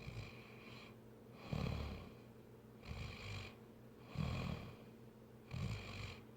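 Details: Repeated low, rattling rumbles with quieter breathy stretches between them: a man snoring during sleep.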